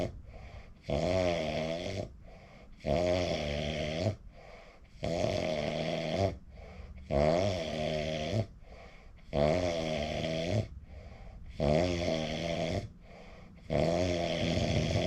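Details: Person recording their own sleep: regular loud fluttering snores on each breath in, softer sounds on breathing out, about 27 breaths a minute. Snoring.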